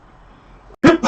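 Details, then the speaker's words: Adult during a live stream: quiet room noise, a brief hush, then a sudden loud, massive explosive burst, cut off at the end; a single sneeze. "oh excuse me that was a massive sneeze sorry for that i was very close to hitting the uh hitting the um mute button"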